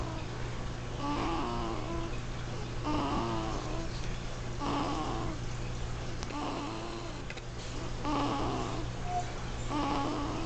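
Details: Baby snoring-like noises made on breathing out rather than in: rhythmic, noisy, fluttering breath sounds about 34 a minute over a steady low hum; his father makes the same noises asleep.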